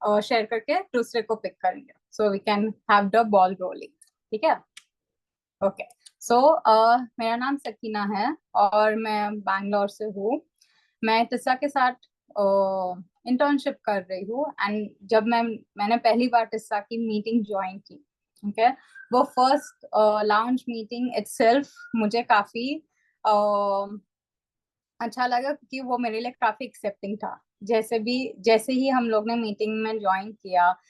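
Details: Adult woman speaking; typical speech.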